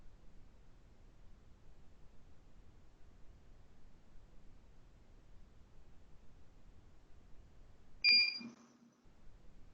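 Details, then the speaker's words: Dental curing light timing beep while light-curing a dentin composite layer for about 40 seconds in a class IV anterior tooth restoration demonstration; first beep at 15 seconds, then every 10: a single short high-pitched beep. "Cada bip desse é equivalente a 10 segundos. Para esse fotopolimerizador, o primeiro é um bip de 15 segundos."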